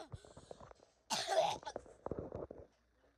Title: I can’t stop my cough😷